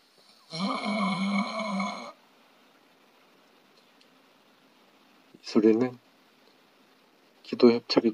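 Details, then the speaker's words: Snoring with a more narrowed upper airway and a lower-hanging uvula, heard during sleep. "이 소리에는 기도 과 좀 더 좁아진 소립니다 목젖을 좀더 쳐진 소리겠죠"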